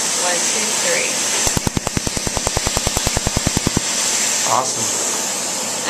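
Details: Tattoo removal laser firing at the sides on the border of a tattoo: rapid, even clicking bursts, about three pulses a second for two seconds, over room hiss.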